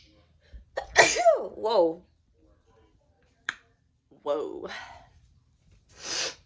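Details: Person deliberately trying to sneeze nonstop: several quick, explosive sneezes with gasping in-breaths between them, in a quiet room; a sneezing bout.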